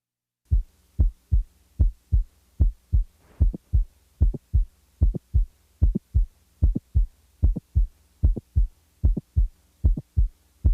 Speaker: the next example is that of a normal 20 year old female with a typical mid-systolic click